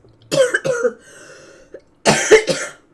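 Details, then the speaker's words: An adult streamer, unwell and describing this as about as bad as it's been, gives two short bouts of harsh, forceful coughs, about five in all, with faint room hum: repeated cough. "Your cough like is so is fine, and this is what it sounds like. This is about as bad as it's ever been, too."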